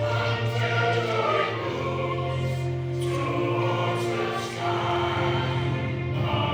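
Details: Choir singing, mostly of people after laryngectomy plus some without, using esophageal voice: air redirected through the esophagus, with esophageal tissue acting in place of the vocal folds. Finding: esophageal voice singing.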